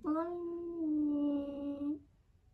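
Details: Cat making weird sounds while pooping, owner asks if it is sick: a single drawn-out, steady moan about two seconds long while straining to pass stool.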